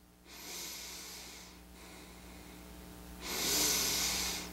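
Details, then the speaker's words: Adult with a long nose that collapses easily, breathing relaxed: two loud, hissing nasal inhalations with a strained, narrowed quality as the nostrils pull shut, showing nasal valve collapse on inspiration. "closes off, right? Kind of sucks. I have a long, bonerish nose, but apparently it's very easily collapsed."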